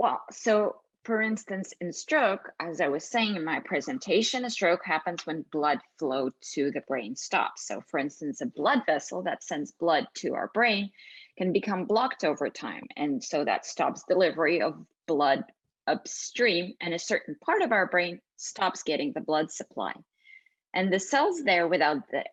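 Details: Adult woman speaking; normal speech.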